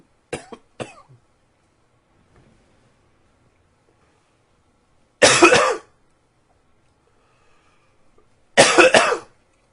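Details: Coughing in a quiet room: two short sharp coughs, then two longer harsh coughs after pauses, four coughs in all.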